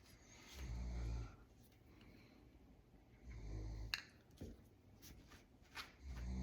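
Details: Snoring from a sleeping dog: soft low rumbling snores, about 20 breaths a minute, with faint tapping and room noise in the background.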